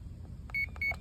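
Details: Two short high beeps over low room rumble as the arrow button is pressed while programming a CADD PCA pump's settings; normal keypad feedback.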